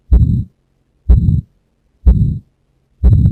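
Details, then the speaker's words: Stethoscope at right second intercostal space, patient sitting forward, breath held after expiration, exam teaching demo of severe aortic stenosis from degenerative calcification with implantable loop recorder: regular beat near 62/min, harsh ejection systolic murmur after first sound. "So this is the aortic stenosis murmur that I found that he has got a ejection systolic murmur. But I have not found a longer murmur, but he has got a ejection systolic murmur."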